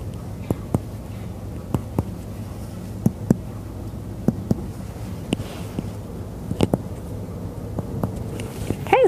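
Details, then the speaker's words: Sharp, hollow taps from chest percussion during a lung and thorax exam: a resonant note heard in all lung fields on both sides, consistent with normal air-filled lungs. "a resonant percussive note was heard in all lung fields bilaterally"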